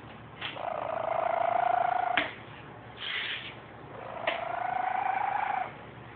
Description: The cat of my house snoring